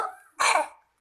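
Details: A single short, dry cough made on request; cough.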